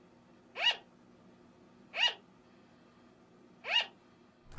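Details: A pet sugar glider gives three short, sharp, high-pitched yaps about a second and a half apart, like a tiny dog's bark: sugar glider barking, a normal vocalization.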